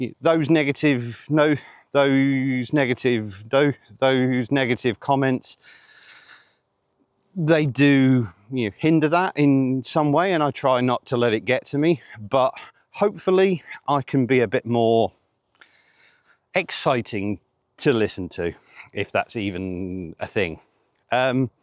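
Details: 47-year-old man with stuttering (stammering) since age eight.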